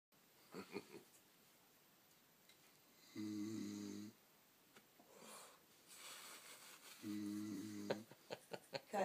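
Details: Man asleep in a barber's chair during a haircut, snoring loudly: two buzzing, vibrating snores on breathing in, with quiet pauses and clipper and room noise between.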